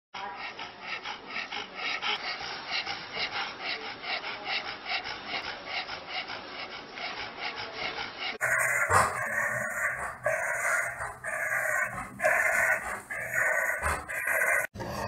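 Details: Dog with laryngeal paralysis: harsh, raspy breathing with noisy inspiratory stridor.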